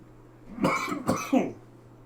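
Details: Irritant cough from a person with a self-described smoker's cough who accidentally breathed in pepper while cooking steak: three quick, harsh coughs in a short burst, like throat clearing.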